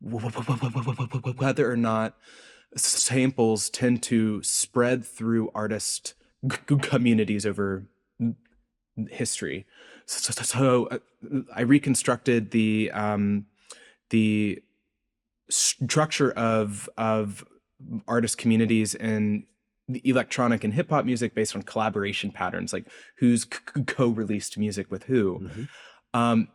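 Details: Adult man's real, self-reported speech impediment, present throughout the interview; this clip has word repetitions, with repetitions and prolongations heard; stuttering (disfluent speech).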